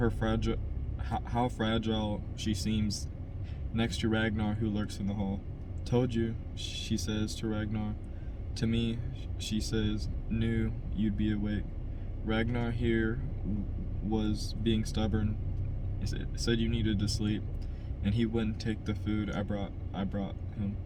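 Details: Adult man who stutters, by his own account a little, reading a novel chapter aloud as practice to help his stutter; part-word and word repetitions and revisions; stuttering.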